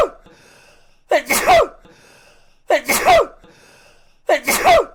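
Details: Three loud, explosive sneezes in quick succession, each after a sharp in-breath, about 1.6 seconds apart; repeated sneezing.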